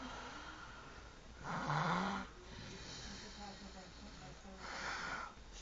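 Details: Two rough, throaty snoring breaths from a sleeping mother over steady room noise, with faint background sound.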